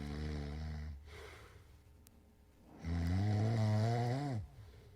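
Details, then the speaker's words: Adult man's snoring recorded during sleep as an obstructive sleep apnea example: loud, low, buzzing snores, the pattern heard just before silent gaps where he stops breathing. "So let's see if we can hear sleep apnea. So I want you to listen very closely. We're going to see if we can hear it. Let's see. All right, snoring."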